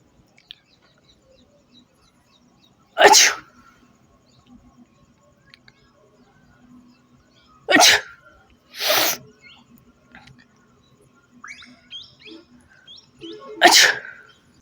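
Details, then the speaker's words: Deliberately provoked real sneezing after sniffing a tobacco-type substance held near the nose: four abrupt, forceful sneezes over about fifteen seconds with soft movement noise between. "इसकी जैसे गंद आएगी उससे जोर-जोर से जो छींक आने वाली है"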